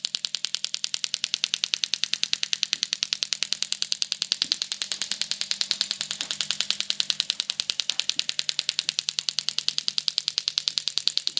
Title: Equine Shock Wave Therapy of Sacroiliac (SI) Joint pain in the horse utilizing the MASTERPULS unit